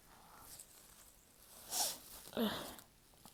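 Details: Two quick sneezes in a row, the second louder and fuller, from a person with a stubborn stuffy nose; honking nose sounds, no nose blowing.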